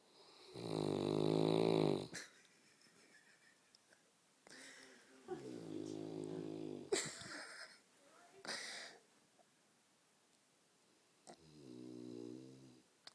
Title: Snoring st Bernard funny